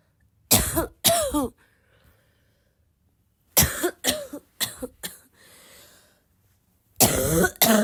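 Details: Girl who is still sick and coughing a lot, tagged as a barking cough and coughing fit: harsh coughs in bursts of two to four, brief throat-clearing, and quiet pauses between.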